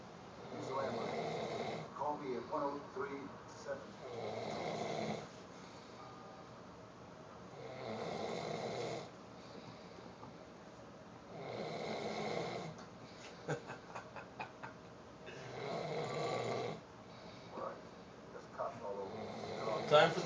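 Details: Man snoring so loud others couldn't sleep, after a concert and drinking: loud rattling snores about every four seconds, roughly 15 breaths a minute, faint room noise between; snoring.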